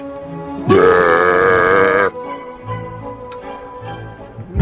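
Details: Man burping loudly at animals to call them: a single loud, drawn-out burp lasting over a second, with music playing in the background.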